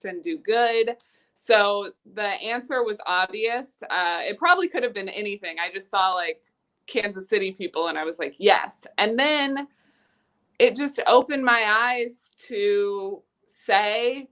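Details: Young female college student who has long stuttered; stuttering.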